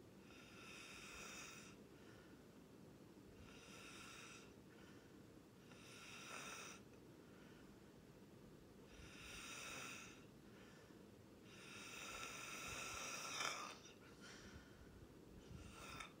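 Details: Snoring during sleep: soft, rattling snores recurring every few seconds over a steady background hiss.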